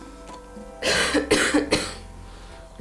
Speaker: oui productif ou pas non irrité ou pas non plus ça ne fait pas mal à la gorge